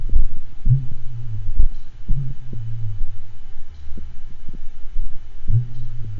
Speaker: next thing we'll listen to is a horse who has a diastolic murmur from aortic regurgitation and also has second degree of v block so as you listen to this recording you'll hear the normal rhythm and then you'll hear a particularly long pause with a very long phase for the diastolic murmur